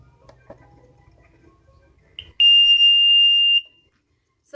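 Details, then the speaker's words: Loud, steady, high-pitched alarm tone of about 1.5 seconds, demonstrated at home on a one-month-old twin girl's breathing and heart rate monitor; it sounds for apnea or for a heart rate that is too high or too low. "if any of these were to happen it would go off in it with like make a big low sound and then we'll go bright red let me show you what it sounds like it's kind of loud"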